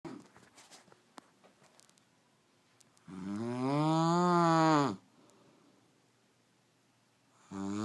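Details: Adult woman snoring in sleep: a single long, loud, buzzing tonal snore on the in-breath, with quiet breathing and room noise around it.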